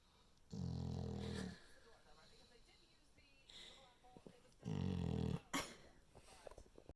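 Two low, rumbling snorting snores about four seconds apart with quiet breathing and small noises between. Puppy snoring.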